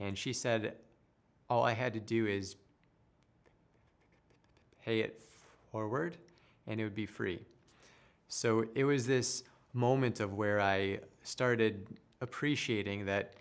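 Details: Adult male who stutters and later became a speech therapist; stuttering.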